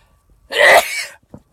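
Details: Person sniffing cayenne pepper off a Q-tip: a single loud, explosive sneeze after a brief inhalation; one of a run of pepper-induced sneezes.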